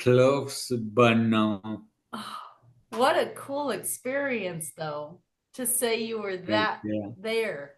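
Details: Adult speaker; normal speech.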